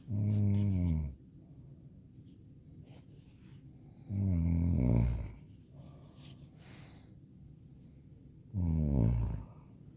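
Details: Girl snoring: three loud, rattling, low-pitched snores about four seconds apart, roughly 15 breaths a minute, with quiet exhalations between.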